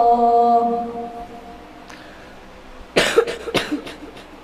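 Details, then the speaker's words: Child with a cough and cold chanting the call to prayer in a mosque: a sung phrase fades, then a burst of several short wet coughs, with music in the background. "dan juga alhamdulillah tadi dia dapat melantunkan Azan zuhur ya dengan iramai versi Syekh Misari Rasid ya walaupun tadi jalan azannya eh sambil batuk-batuk ya tapi enggak apa-apal yang penting e tetap bisa melantunkan azan ya"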